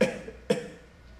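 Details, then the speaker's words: Two short dry cough bursts about half a second apart in a small quiet room; dry cough. "quem sabe aquela tosse que é só deitar e ela vem com tudo"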